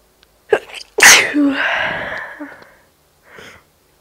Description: Yeah, me sneezing.